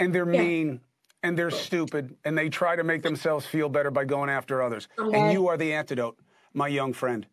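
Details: Adult man speaking; Normal speech.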